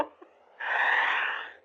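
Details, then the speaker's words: Dog snoring in a quiet room: a faint click, then a single airy, hissing breath lasting about a second. "by the way if you can hear snoring it's a dog that I I'm looking after to a beautiful dog but uh he he's snoring so um that's what it is"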